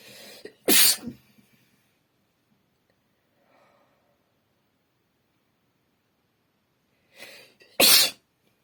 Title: Sneezing on the hand (F)